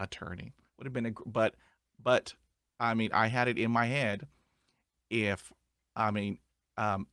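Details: Adult male who stutters; stuttering.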